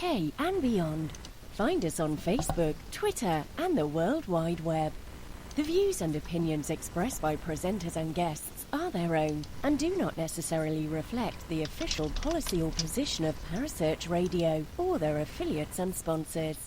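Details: Adult female announcer; normal voice.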